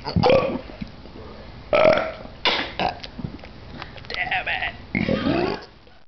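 Several loud, low, rumbling belches in quick succession; repeated burping.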